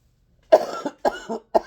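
Three short, voiced cough bursts in quick succession from an adult woman, in a quiet room.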